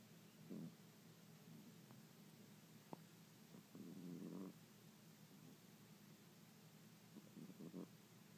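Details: Cat "Vegas" passed out asleep: soft, low snoring with quiet rumbling breaths every few seconds.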